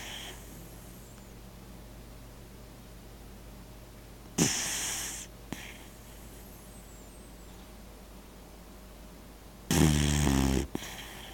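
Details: Two brief snorting, fluttering breaths about five seconds apart against a quiet hum; mild snoring.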